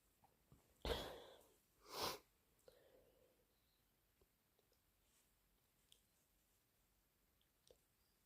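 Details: Induced allergic sneezing: two loud sneezes in quick succession, followed by soft sniffs and quiet breathing.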